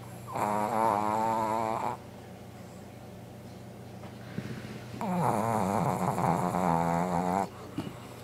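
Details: Sleeping Brussels Griffon dog: two long, loud, rattling snores on the in-breath with quiet pauses between them, steady and regular; snoring.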